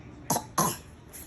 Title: Baby fakes coughs to get a reaction